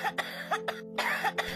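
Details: Cough heard in a television advertisement for cough syrup.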